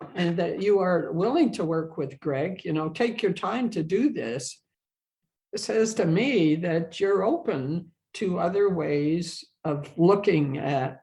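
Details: Adult woman who has stuttered throughout her life and has had speech therapy and support-group experience, speaking in English; finding: stuttering.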